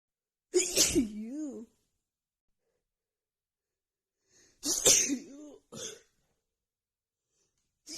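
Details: Morning sneezing attack from seasonal allergies acting up just before spring: two forceful sneezes with sharp voiced onsets, then a third shorter burst a few seconds later; repeated sneezes of allergic rhinitis.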